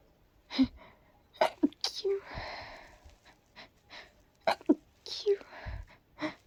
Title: A short muffled sneezing fit